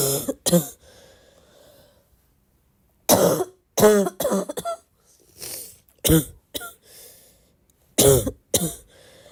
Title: my cough is getting worse (or better, depends to the point of view) - comment what you think 😘